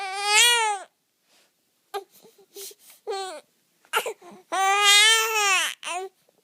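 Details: An infant with hiccups cries in long wailing bursts, with short whimpers and catching breaths between them, while being soothed; infant cry.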